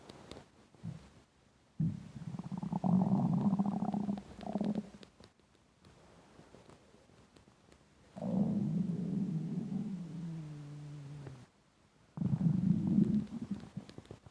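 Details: Long gurgling, growling rumbles with drawn-out falling tones, separated by quiet gaps: intense stomach rumbling (borborygmi) from hunger, a normal finding.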